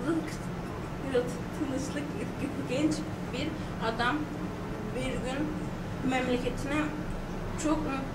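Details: Stuttering in a 21-year-old woman reading aloud, recorded before therapy.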